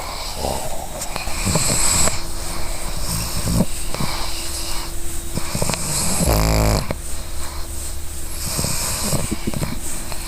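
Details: Sleeping, dreaming female pug snoring: loud, rattling snores and snorts with a steady background hum.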